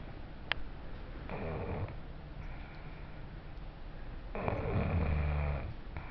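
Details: Two deep, rumbling snores on breathing in, the second longer and louder, over steady room noise; snoring.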